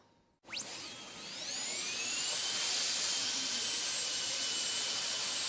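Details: Dental drill recording switched on and off, made as ASMR sleep sounds: a high-pitched whine rises sharply as the drill starts, then holds at a steady shrill spin.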